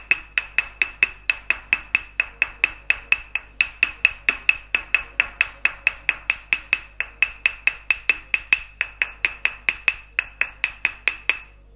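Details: Thai northern tok sen wooden hammer massage: steady sharp wooden taps, about 136 a minute, tapping lightly along the back of the hand and the finger joints for trigger finger and calcification, after tapping along the arm muscles.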